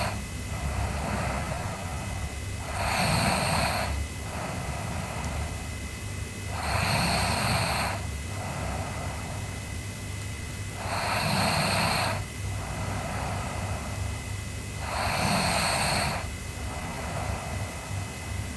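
Four loud rasping snores on breathing in, about 13 breaths a minute, with softer breaths out between them over steady room hum.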